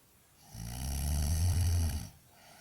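One loud, low, rattling snore lasting about one and a half seconds, the sound of soft tissue in the throat vibrating during sleep.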